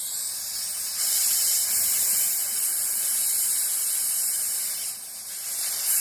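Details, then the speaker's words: Steady hissing spray with slight surges: a dental air-water syringe with both air and water buttons pressed, rinsing acid etch off a tooth while high-volume suction is held against it. "we're going to take our air water syringe and we're going to place our thumb on both the water and the air button simultaneously to get our power washer"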